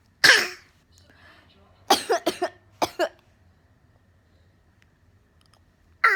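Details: A 10-month-old baby boy copies his mother's coughing with short, separate cough-like bursts, some in quick pairs and triplets: imitated cough.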